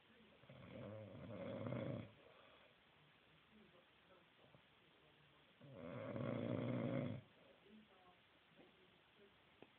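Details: Man who denies snoring, recorded asleep: two long, rough, rattling snoring breaths a few seconds apart with quiet between them.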